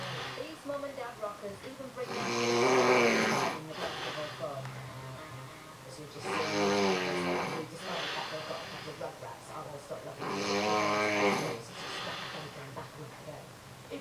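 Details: Adult man (husband) asleep, quieter than his usual snoring: three loud, vibrating inspiratory snores, about 15 breaths a minute, with quiet breathing between; ordinary snoring.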